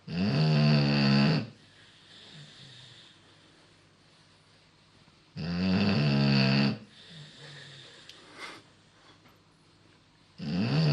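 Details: Beagle snoring really loud: loud, buzzing snores on each in-breath with soft breathing between them, about 11 breaths a minute; snoring.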